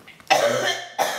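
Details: A 10-month-old baby makes two short, husky cough-like bursts, imitating a family member's cough; an imitated cough, not an illness cough.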